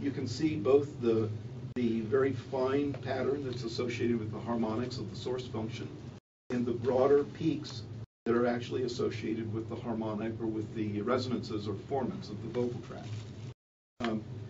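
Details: Adult man; normal speech.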